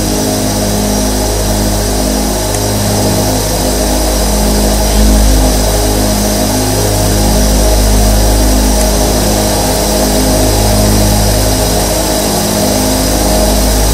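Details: Steady loud mechanical drone with low motor hum and rhythmic pulsing throbs from 13 nebulizer compressors running at once, recorded as white noise for sleep.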